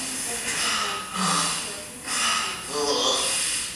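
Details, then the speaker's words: Loud, harsh snorting breaths as a sleeping man with severe obstructive sleep apnea abruptly resumes breathing after struggling with opposed chest and abdominal movements; he has apneas averaging 45 seconds and wakes every minute. "Il lutte et là, il va se remettre à respirer brutalement avec, bien entendu, un grand bruit respiratoire."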